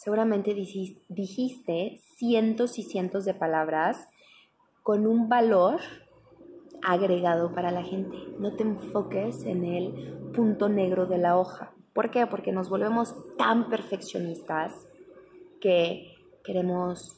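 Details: Woman who stutters, speaking Spanish, who reports blocks, spasms and repetitions; stuttering.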